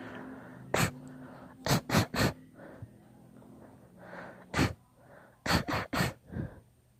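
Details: A long, deliberately induced sneezing fit: rapid runs of about eight sharp, explosive sneezes with quick gasping inhales between them.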